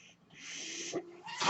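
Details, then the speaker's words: Mechanical ventilator noise heard during a podcast recording by its user; a soft rushing hiss of airflow with a brief low hooting tone, then a second hiss starting, as the ventilator delivers a breath. "Hello, everyone. That noise you're hearing is my ventilator."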